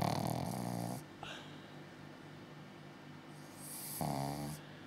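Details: Snoring in a sleeping 6-month-old pug–shih tzu mix puppy: two loud, rough, fluttering snores separated by a quiet pause.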